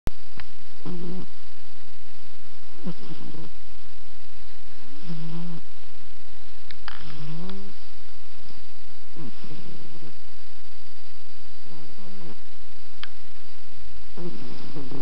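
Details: Snoring: low rumbling snores with each breath, about one every two seconds, roughly 30 a minute.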